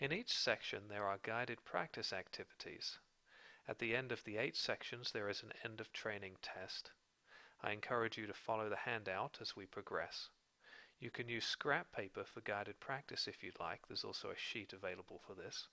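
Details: Adult male narrator; normal fluent speech.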